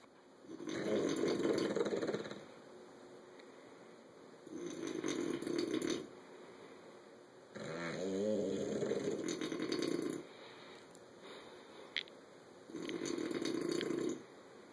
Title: Snoring bulldog as he's owner amazing